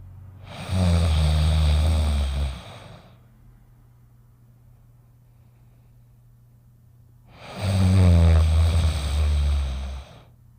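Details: Two long, low, rumbling snores about seven seconds apart from a sleeping dog, with quiet pauses between.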